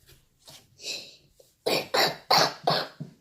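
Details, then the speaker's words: Young girl with a persistent cough despite aerosol (nebulizer) treatment: a quiet start, then four or five loud, harsh coughs in a rapid run. "entendez, elle tousse toujours."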